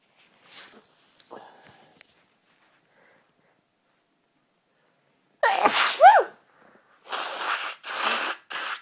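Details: Person sneezing and blowing nose: soft sniffles, then a loud voiced sneeze followed by several hissing bursts of nose blowing.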